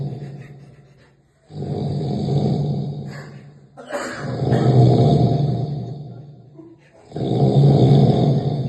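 Deep, rough, low rumbling snores on each breath, two loud snoring cycles with quiet gaps between them; heavy snoring.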